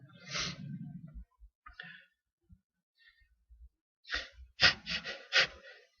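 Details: Natural, spontaneous sneezes from a tickle, caught after two days of waiting: a breathy sneeze, a quiet pause with soft breaths, then a rapid, breathless burst of three or four sneezes in a fit.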